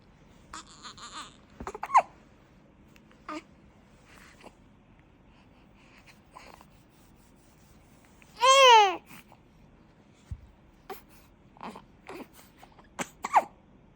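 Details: One-month-old newborn baby with hiccups: brief, sharp hiccup sounds at irregular intervals, with one short cooing vocalization.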